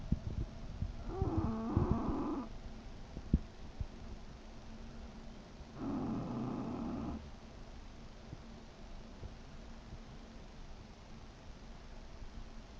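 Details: English bulldog snoring: two short, throaty snorting snores about four seconds apart over a constant background hum.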